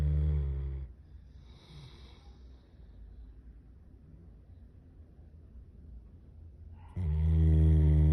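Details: Dog in deep sleep snoring like a human: loud, deep rumbling snores on each breath with a quiet gap between.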